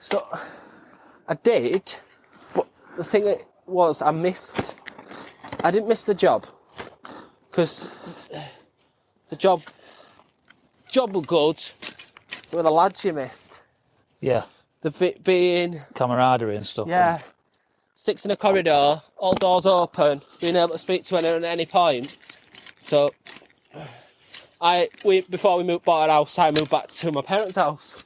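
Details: Adult male veteran with stammering (stuttering) that began about six to seven years earlier from stress on learning he was leaving the armed forces; he masks it well, it comes and goes, worse on the phone and when unsure what to say.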